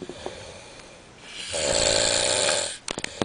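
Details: Snoring likened to sawing logs, a recorded snoring problem: a single long, loud, rasping snore on an inward breath, followed by a few soft snorts.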